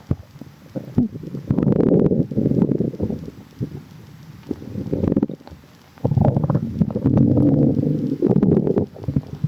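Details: Water-in-tummy stomach growling: loud, prolonged gurgling and sloshing rumbles in bursts with pauses, fluid movement heard; normal bowel sounds (borborygmi).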